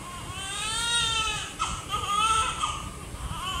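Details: Strong, high-pitched, clear-toned crying in bursts from a newborn in hospital; a vigorous, healthy newborn cry.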